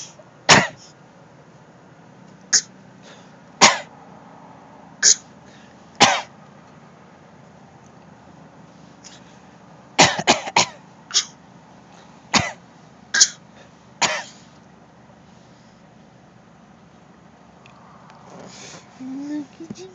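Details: Coughing: about a dozen short, sharp, dry coughs over twenty seconds, some single and one quick run of three. Cough.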